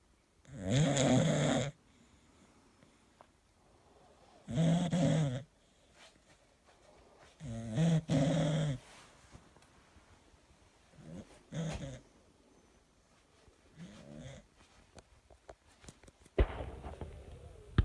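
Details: Sleeping Bulldog snoring: loud, rough snores at about 17 a minute with quiet pauses between breaths.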